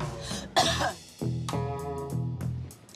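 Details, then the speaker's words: Single sharp, harsh cough burst then a throaty vocal sound over background music, produced on purpose for a germ-spread demonstration; coughs said to project thousands of bacteria up to 7 ft at 55 mph. "coughs project thousands of bacteria up to 7 ft away with a force that hits my face at 55 mph"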